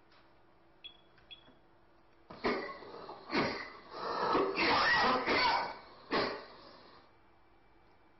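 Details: Teaching audio from a Chinese medicine listening-diagnosis lecture: several heavy, deep, muffled cough bursts in a quiet room; a cold-type cough in traditional Chinese medicine.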